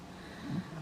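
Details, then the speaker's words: Background snoring from a sleeping person, audible behind speech during a recording. "and ray is snoring up a gooden so i am sorry if you can hear him"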